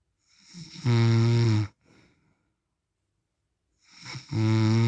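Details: Real recording of an adult man (husband/dad) snoring in sleep: loud, low, rattling snores on the breath in, with a soft exhale and pause between; heavy, regular snoring.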